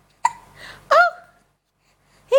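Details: Two abrupt, voiced hic sounds, each cut off sharply with a brief squeaky tail, from a two-week-old just after a bath, in an episode expected to last about ten minutes; hiccups.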